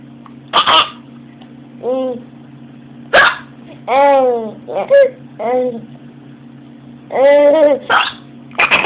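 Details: Young child laughing at his own hiccups: sharp, abrupt voiced catches recur between bursts of laughter, over a steady background hum; hiccups.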